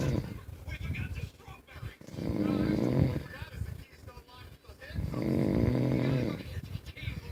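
Loud, deep, rumbling snores in two long bursts with noisy background sound between them: heavy snoring.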